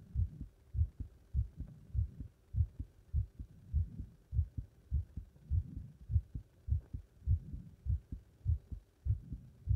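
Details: Heart sounds after leapfrog exercise: fast, steady heartbeat at about 100 beats a minute with clear lub-dub pairs; normal quickened heart rate after exertion.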